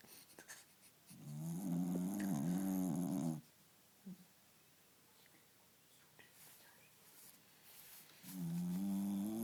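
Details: Snoring: loud, rattling snores on two in-breaths a few seconds apart, quiet room sound between; ordinary snoring.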